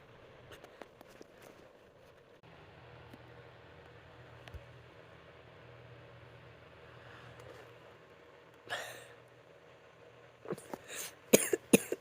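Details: After a quiet stretch with low room hum, one sudden, unexpected burst and a short cluster of sharp coughs: cough.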